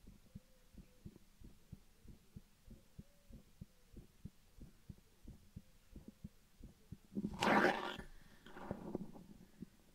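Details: Steady, regular heartbeat thumps heard through a stethoscope, possibly the speaker's own, with rustling handling noise near the end; normal heartbeat.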